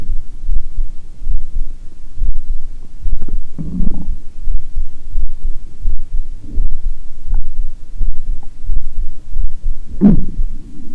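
Muffled low heartbeat with gurgling stomach growls breaking through, normal bowel sounds picked up during a heart recording.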